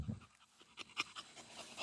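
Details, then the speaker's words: One-year-old English Bulldog stud during BOAS breathing testing, 25 minutes into exercise in hot weather: rapid, clean panting without snoring or catching sounds, breathing described as awesome; normal post-exercise panting. "Wilbur, you're doing so good. Like, we're 25 minutes in. You're breathing awesome."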